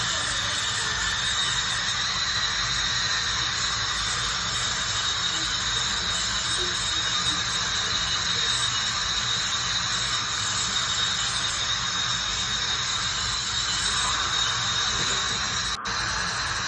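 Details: Dental hygienist's ultrasonic scaler with water spray removing tartar and plaque during teeth cleaning of sensitive teeth: steady high-pitched hiss and whine.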